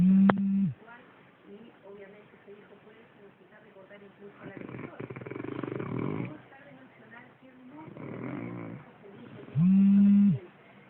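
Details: A sleeper gives loud, deep snores at the start and end, with quieter breathing and faint room noise between: snoring.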